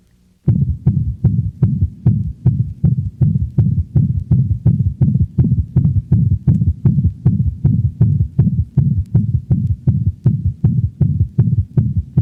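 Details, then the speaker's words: Dog in heart failure: rapid heartbeat with loud murmur, followed by a low-frequency thud, the third heart sound (S3 gallop). "listen to the next recording of a dog in heart failure the third heart sound is a low frequency sound that gives the impression of a thud after the murmur"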